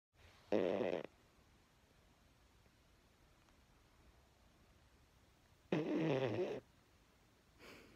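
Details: Little dog snoring louder than a grown man: two loud, rough snores about five seconds apart over quiet room noise, a third starting at the end; ordinary dog snoring.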